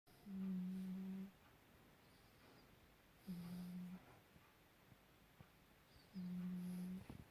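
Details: A sleeping cat curled up in a ball with a paw over its face, with three low, steady droning snores about three seconds apart (about 20 a minute) in a quiet room; cat snoring.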